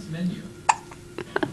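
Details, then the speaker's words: Hiccups: a few short, sharp catching sounds spaced under a second apart over quiet room noise. "HIC them UPS say hi peoples I have hiccups let see that"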